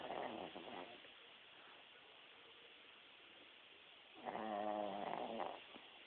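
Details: Buzzing, fluttering snores recurring between quiet gaps, with faint background hiss: a dog snoring in its sleep.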